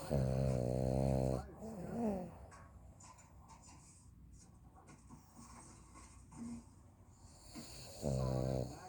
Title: my snoring dog